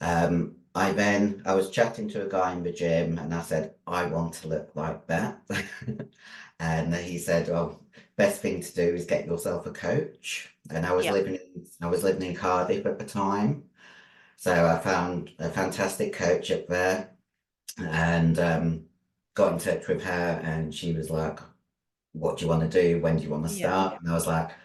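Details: 56-year-old female bodybuilder with androgen-induced voice deepening (virilized voice) after taking large doses of anabolic steroids, including male steroids; she can no longer sing; also has past liver damage.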